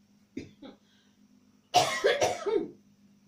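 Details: Two small throat-clearing sounds, then a louder burst of two or three coughs in a quiet room with faint hum; cough.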